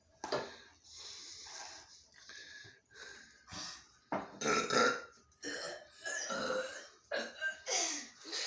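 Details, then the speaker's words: Friends deliberately burping after drinking soda (Mountain Dew) on cue: long, drawn-out, rumbling burps one after another, some voiced and stretched, in a small room. "okay start drinking your thing and start burping ready set go nice okay wait wait drink the soda dude drink the soda drink the soda so proud of you"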